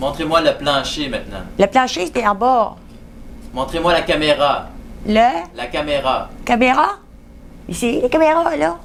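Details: Female patient describing a picture card; clinician notes fluent speech with paraphasias and difficulty expressing herself, words roughly understandable; mixed aphasia.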